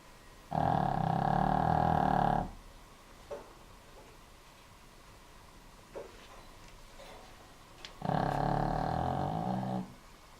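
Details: Benny, a sleeping dog: two loud, rattling snores about seven seconds apart, with quiet breathing between.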